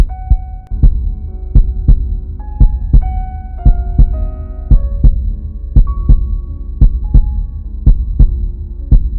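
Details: A heartbeat sound effect: steady, regular lub-dub thumps at about 57 beats a minute over soft piano-like music; a normal heartbeat.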